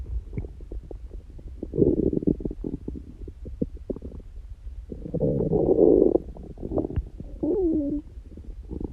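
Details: Person prone to frequent loud stomach noises, neither hungry nor with stomachache: gurgling, rumbling bursts with some squeaky tones, ordinary stomach growling (borborygmi).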